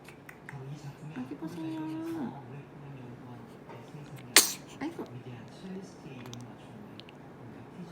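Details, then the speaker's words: Newborn baby's first sneeze: soft baby sounds, then one sharp, high little sneeze. "재채기 했어요."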